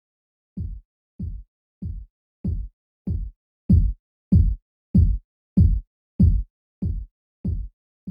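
Simulated Korotkoff sounds: a series of about thirteen regular low thumps at roughly 95 a minute that grow louder, then fade during cuff deflation.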